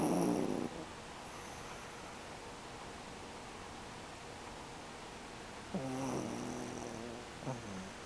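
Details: Snoring from a sleeping pet dog named Mei: soft, rumbling snores with steady low breathing noise and a few louder snorts.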